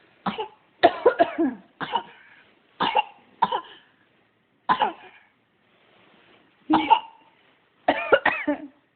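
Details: About a dozen short, voiced coughs, some single and some in quick runs of two or three, with brief quiet gaps, while coughing alongside mom: repeated cough.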